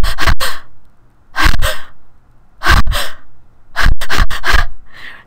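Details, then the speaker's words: An adult lecturer imitates infant periodic breathing into the microphone: quick breaths in irregular clusters with brief pauses under 20 seconds, a normal infant pattern distinct from apnea. "but infants will breathe and excuse me for doing some deep breathing into the microphone but I want you to be able to hear it they will breathe in a pattern like this"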